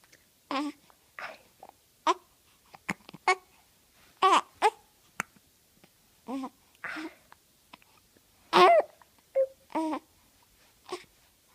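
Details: Infant babbling and fussing in a small room, interrupted by brief sharp catches of breath; hiccups.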